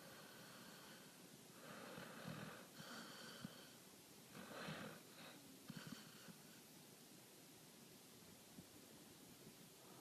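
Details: Soft rattling snores with snorty noise over steady room hiss from a dog sleeping soundly, eyes rolling and twitching; snoring.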